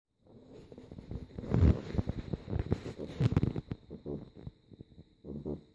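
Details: Sleeping pet snoring with deep, rumbling, fluttering, loud human-like snore sounds; snoring.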